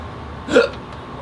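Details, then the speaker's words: Adult man in a comedy sketch with hiccups despite drinking water, before being scared: a single short, abrupt voiced gulp over steady background noise; hiccup. "it's these [ __ ] hiccups man i just can't get [ __ ] did you try drinking water"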